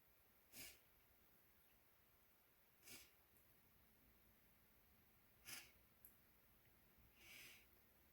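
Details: Male with hitchy, wet sneezes: four short, hissing bursts over eight seconds, with a small catch before one.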